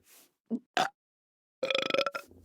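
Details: Men burping: several short throaty bursts, the last a long voiced rumbling belch.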